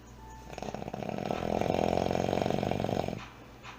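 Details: Heavy snoring: one long, loud, rattling snore with fast vibrating flutter, building and fading over about three seconds.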